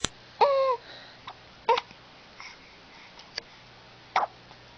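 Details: Young girl with a big smile and the hiccups: a few brief, abrupt voiced catches with short pauses between them, in a quiet room; hiccups.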